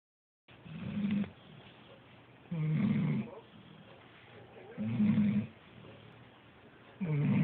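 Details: A dog snoring steadily and rhythmically, about one low buzzing snore every two and a half seconds with quieter breaths between. The dog has snored like this since it was small enough to fit in a palm, nearly 8 years. Ordinary snoring.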